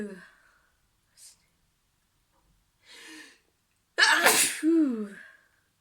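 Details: Person sneezing and being interrupted: a faint build-up of breathy catches, then one loud explosive sneeze with a short voiced tail; a single sneeze.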